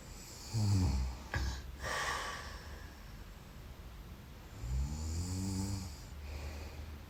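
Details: A person sleeping in bed, recorded as a sound effect: deep, rumbling snores on breathing in, with quiet pauses between breaths, in a quiet room; snoring.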